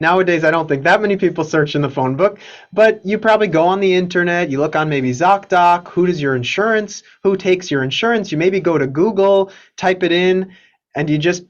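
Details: Adult speaker, lecture; normal speech.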